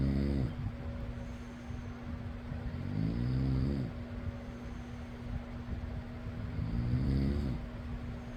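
Deep, rattling snores on each breath, roughly 18 a minute, over the steady whir of a fan.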